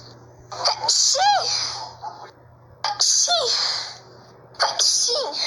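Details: Ordinary sneezing fit: three sharp, loud sneezes in quick succession, each with a brief voiced release; the person says it had been a long time since sneezing.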